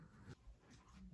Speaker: if you can hear that snoring that is my dog's snoring he's loving the new place